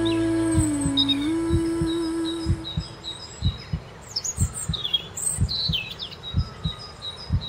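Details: Heartbeat track mixed into a sleep playlist with nature sounds: soft low paired heartbeat thumps under birdsong, music and a sustained tone; not a clinical recording.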